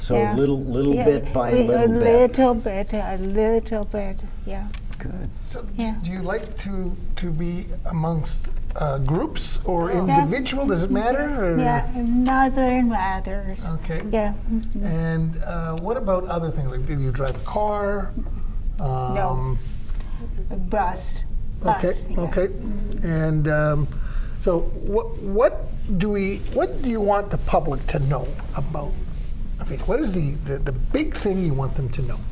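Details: Adult woman who had three strokes in 2011 and was hospitalized about six months; post-stroke aphasia.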